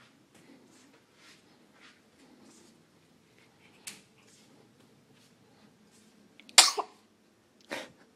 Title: Baby Sneezes